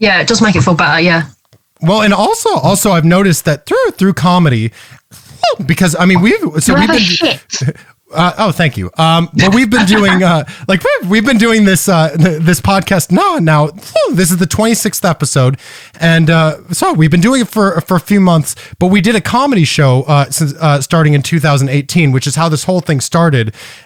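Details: Man with Tourette syndrome whose vocal tics include palilalia and echolalia (repeating words or syllables) and squeaking, with palilalia increasing over the past couple of years; palilalia heard.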